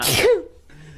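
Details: A single sharp, explosive sneeze with a brief voiced tail, then quiet breathing, amid a group with laughter; sneeze.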